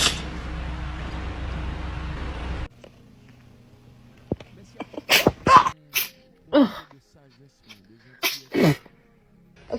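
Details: Music burst, then about six small, sharp, hissing bursts; a cat sneezing repeatedly.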